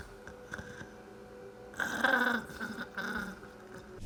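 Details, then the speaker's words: Real recording of a dying person's breathing at the end of life in hospice care: two wet, gurgling rattling breaths over quiet room noise, the death rattle (terminal secretions). "so there you have it some death rattles or terminal secretions sound worse than others in the sense of some are louder some are softer some sound like snoring it just depends on the person and some people don't have it at all"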